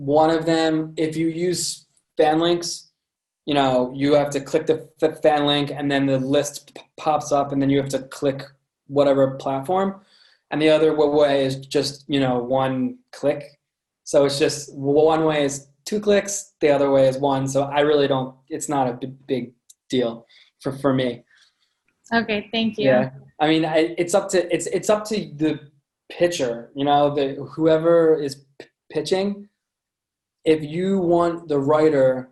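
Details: Adult man with a lifelong stutter present since birth, noticeable to listeners; stuttering.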